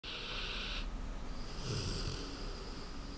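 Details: American Bulldog asleep on a bed on a lazy morning, with low rumbling snore-like breathing and a hissing band early on; snoring.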